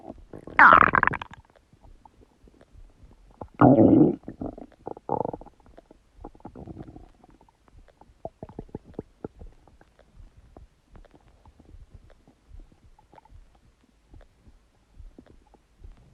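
Loud rumbling gurgles followed by a run of softer bubbling pops; ordinary bowel sounds from gas and fluid moving through the gut.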